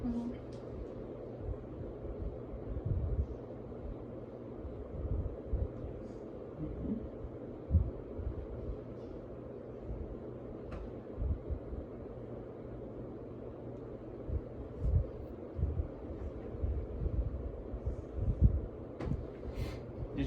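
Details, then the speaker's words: Diaphragm of stethoscope starting at right lower quadrant, patient just ate: frequent soft gurgles and clicks heard within 5–10 seconds, normal active bowel sounds, slightly hyperactive, no abnormal sounds. "So, bell sounds are normal active. I was able to hear them pretty quick, within 5 to 10 seconds. No abnormal sounds. They're a little bit on the hyperactive side, but it could just be because the patient just ate."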